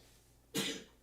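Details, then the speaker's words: A single sudden, explosive burst of air noise lasting about a quarter second in a quiet room, one sneeze heard in the background from a household member passing an illness around; sneeze. "there we go, maybe you can hear the sneezes in the background."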